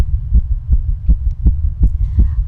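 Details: Female heartbeat described as fast and skipping: rapid, steady low thumps at about 160 beats a minute, with no clear skipped beats in this stretch; tachycardia.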